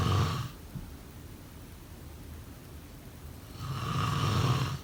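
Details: A quiet stretch, then one loud, rough, vibrating snore lasting about a second; snoring.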